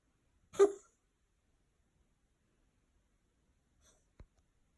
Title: Cough(cat) 猫の咳